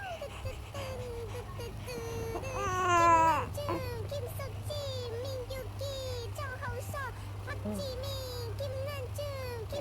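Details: Infant vocalizing: short high-pitched baby cries and fussing sounds over a steady low hum and faint background noise.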